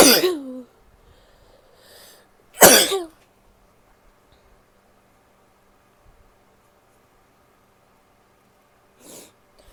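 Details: Female recording herself sneezing, coughing and blowing her nose: two sharp, separate coughs a few seconds apart, then a faint third, in a quiet room; cough.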